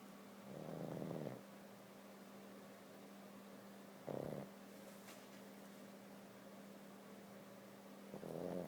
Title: Roxy the Snoring Pug wakes up for "Park?"